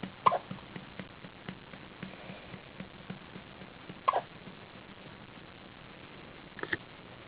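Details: Newborn baby girl on her first day of life, hiccupping after her second feeding; three soft, sudden catch sounds a few seconds apart amid faint rustling in a quiet room; hiccups.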